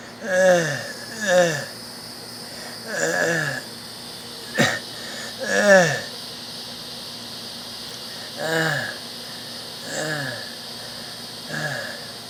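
Repeated harsh, high-pitched musical breath sounds with falling pitch: stridor, a sign of narrowed upper airway.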